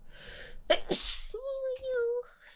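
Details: A single loud sneeze from a streamer, then a brief spoken apology; pollen is mentioned shortly afterward.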